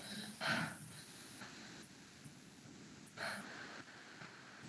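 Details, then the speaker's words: Normal vesicular breath sounds heard by stethoscope over the subscapular region of a woman asked to breathe deeply: soft rustling, mainly inspiratory sounds with faint expiration. "aquí tengo que escuchar murmulio vesicular. Y en el murmulio vesicular les dije que es un ruido esencialmente inspiratorio."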